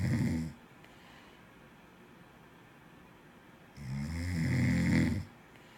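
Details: Two loud, low, rattling snores from a sleeping person with a quiet pause between them; ordinary snoring.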